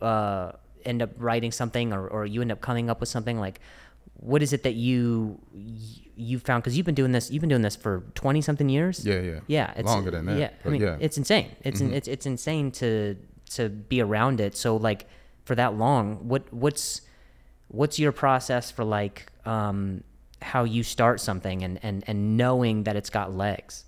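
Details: Adult male podcast host described as fighting through a stutter; word repetitions heard, consistent with stuttering.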